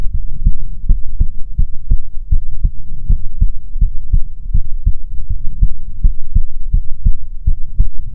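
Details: ASMR heartbeat recording: steady, regular low thumps at about 100 beats a minute over a soft low hum; a normal heartbeat.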